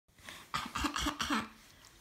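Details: A young girl gives about four quick, deliberate pretend coughs with a light voiced quality in a small room, then is told she is faking; voluntary cough.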